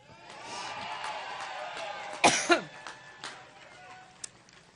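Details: Two loud harsh coughs from an adult woman, during a campaign speech in Cleveland, against crowd noise and amplified sound in a large room; she attributes it to an allergic reaction; coughing fit.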